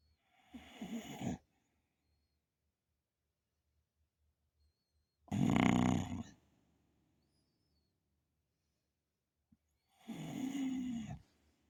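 Three rough, rattling snores about four to five seconds apart, separated by quiet pauses; a snoring sleeper.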